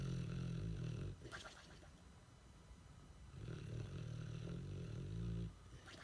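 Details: Boxer dog in deep sleep, deep rumbling snores on each breath with quieter pauses, loud like a grown man with a funny twist; snoring.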